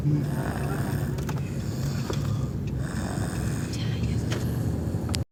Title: Loudest snore in the world